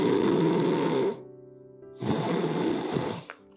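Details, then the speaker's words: Two loud, harsh, rumbling snores from deep in the throat, typical of the tongue pushed back and narrowing the airway, as seen after tooth extraction and orthodontic treatment; tongue-base obstruction snoring. "혀가 꽉 눌리는, 기도를 꽉 누르는 소리가 이런 사람들의 특징입니다. 혀가 막는 기도의 소리는 아처럼 저 목 깊은 데서 이렇게 답답함이 힘들어, 나 힘들어 죽겠다 하는 그런 아우성을 하는 거죠."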